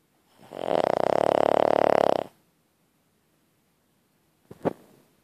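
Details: Pet named Lilly sleeping: one loud fluttering, buzzing inspiratory snore under two seconds, then silence and a brief snort; ordinary snoring.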